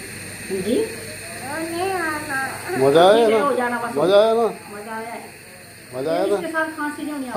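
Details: Nebulizer running during treatment for cough, with a mask held to the face while the patient is told to breathe in through the nose: a steady, even hiss beneath a woman's coaxing voice.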